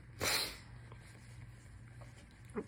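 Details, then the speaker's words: Seated adult with cold-like symptoms from a mold reaction, sneezing repeatedly; some sneezes are stifled and done hands-free. "maybe I'll try one now because you know I'm not gonna stop [ __ ] sneezing anyway and here comes another one"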